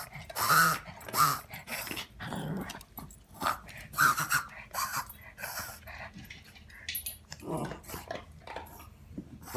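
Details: Dog wheezing, recorded at night at poor quality: noisy, rasping breaths with brief whistling notes in several of them.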